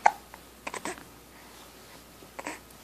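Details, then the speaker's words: Hiccups in a baby boy being coaxed to smile and kick his feet: several brief, sharp hiccup sounds in a quiet room, ordinary hiccups. "those hiccups to go away go away hiccups yeah go away hiccup go away hicups"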